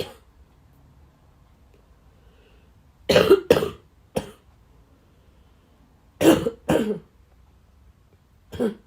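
Bouts of two to three harsh coughs after quiet stretches, about six coughs in all; plain coughing.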